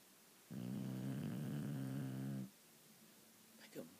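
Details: Shar-pei dog snoring while asleep, compared to a busted chainsaw.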